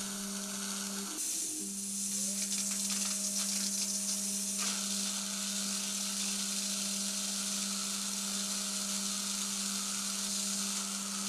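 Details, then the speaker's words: Implant site drilling with a 2.0 mm twist drill in a narrow jaw ridge, with fenestration risk managed by GBR: a continuous high whine with a steady tone and a gritty hiss as the surgical drill cuts bone. "2.0 twist drill is used for the initial drilling the direction will be examined using parallel pins"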